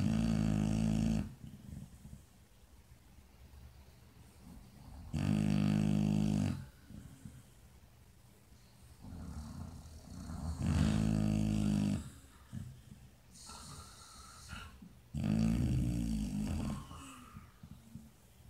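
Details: Dog deep in sleep snoring: loud, low, rumbling snores about every five seconds, roughly 13 a minute, with quiet breaths between.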